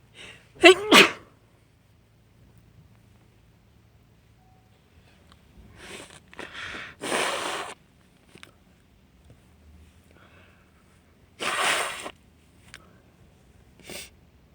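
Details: Female: a forceful, wet, snotty double sneeze, then sniffing and prolonged nose blowing into a tissue.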